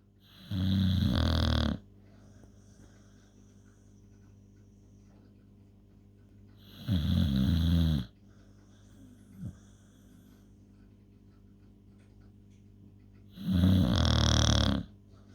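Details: Very loud snoring: three loud, rough, low snores about six to seven seconds apart with quiet breathing between, about nine snores a minute; snoring.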